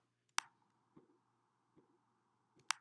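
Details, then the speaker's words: Third-phase Korotkoff sounds during blood pressure measurement: crisp, louder tapping beats at about 80 a minute, following the softer squashing second phase and before muffling. "And here you hear the louder sound, and this is the third heart sound or the third Korotkoff sound."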